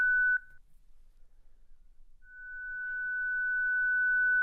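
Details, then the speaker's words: Zenix defibrillator/monitor in manual mode during a synchronized cardioversion instructional demonstration: a steady high electronic charging tone, briefly broken and then resuming as the ready-to-shock tone after pressing Charge, before the shock is delivered. "Next, press the Charge button. Finally, press and hold to deliver the"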